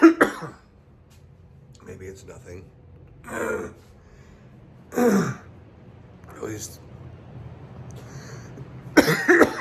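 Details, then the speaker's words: Adult on day 3 after Covid exposure, with fever 99.8°F and chest feeling hard to take a deep breath, awaiting testing. A few short, dry coughs and throat-clearing sounds spaced seconds apart in a quiet room; mild cough. "so i woke up with a mild cough chest feels like it's kind of kind of like um it's hard to take a deep breath"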